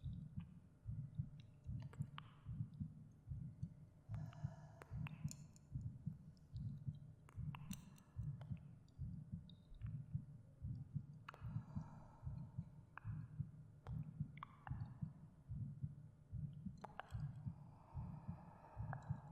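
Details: Recorded heartbeat under ASMR meditation: soft regular heartbeat around 74 a minute with faint breathing and gentle binaural echo effects layered over it; normal heartbeat.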